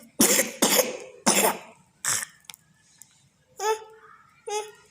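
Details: Wet, loose cough from a child: three harsh coughs and a smaller fourth, then a couple of spoken syllables.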